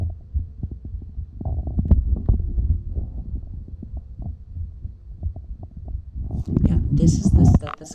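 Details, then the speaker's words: Self-recorded heartbeat through a stethoscope with a volume adjuster: low, muffled heartbeat thumps mixed with rubbing and tubing handling noise. "I finally found my [Music] heartbeat I want to say that's about right but I'm not too sure I can hear it a bit just a bit"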